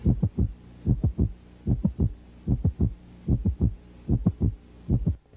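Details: Systolic click: regular heartbeat at about 74 a minute, an extra sharp sound between S1 and S2 each beat; a brief tone ends it.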